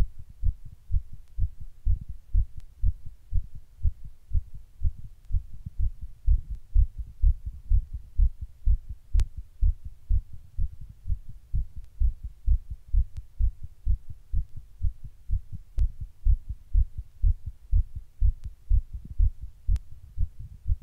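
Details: Person's own heart recorded while sitting in 100-degree heat during a heatwave: rapid, regular heartbeat at about 120 per minute, faster than a normal resting rate; tachycardia.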